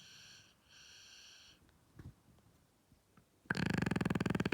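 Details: Sleeping dog in Aberdeen, Scotland, snoring loudly beside its owners: a loud, rapid, fluttering rasp like a prolonged raspberry after quieter tonal sounds; sounds like farting but is peaceful snoring.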